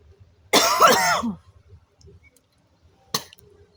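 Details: Young woman smoking outdoors, spitting and hocking up phlegm: one loud, rough cough with a strained throaty edge, then a brief sharp sound after a pause; heavy smoker's cough.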